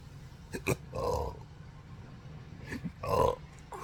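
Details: Sharp throat clicks and two throaty belch-like bursts. Recorded 4 July 2025 in a patient with involuntary diaphragm spasms since 2015 surgery-related nerve damage (pudendal, phrenic, vagus): intractable hiccups with belching.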